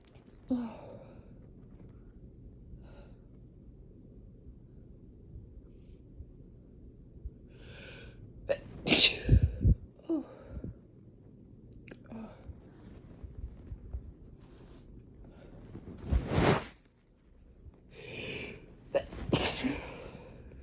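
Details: Second sneezing fit shortly after an earlier one, nose still itchy afterward: a run of several explosive sneezes with sharp intakes of breath between them, in a quiet room.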